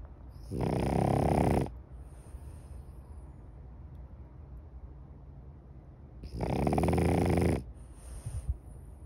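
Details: Two long, rough, rattling snores about six seconds apart, with quiet breathing between, from a sleeping French bulldog: snoring.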